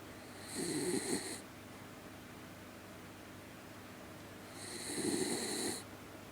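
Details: Two slow, rattling inhaled snores about four seconds apart, with a faint whistling edge, over quiet room noise; ordinary snoring.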